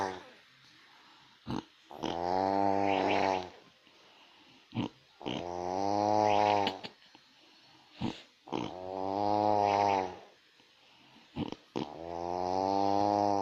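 Loud, rumbling, voiced snores on each breath at about 15 a minute, with short snorting sounds between them; snoring.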